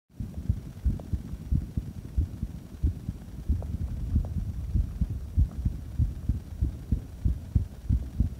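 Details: Regular low paired thumps at about 90 bpm with a steady hum, recorded during breath-holding, as part of a recording of heart sounds during and after holding the breath; normal heart sounds.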